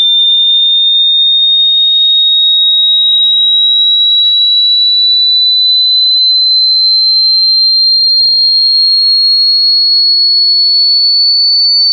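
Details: Online pure-tone hearing test frequency sweep: a steady, high-pitched pure tone slowly rising in pitch, used to screen for hearing loss; frequencies described as personally synchronized, not a substitute for a proper hearing test.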